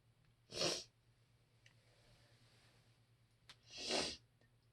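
Two sharp, hissing sneeze bursts about three seconds apart in a quiet room, consistent with repeated allergic sneezing.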